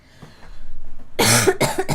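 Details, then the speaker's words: Girl with a persistent cough that has worsened since waking and gets worse when lying down: after a quiet moment, a loud burst of two or three harsh coughs. "귀침이 기침이 안 사그라 들어요 아니요 그냥 기침이 기침으로 유지되고 있어요"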